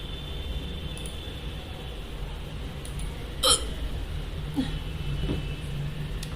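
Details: One sharp, abrupt hiccup over low room hum during a bout of hiccups that began suddenly after eating a pomegranate: hiccup.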